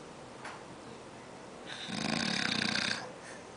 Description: old man snoring